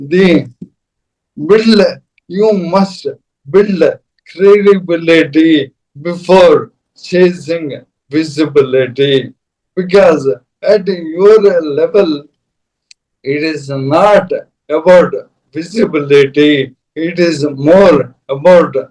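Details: Adult man with dysarthria; Parkinson's disease began 2022, diagnosed late, very severely affecting mobility and speech, then ALS (motor neuron disease) diagnosed last year; dysarthria.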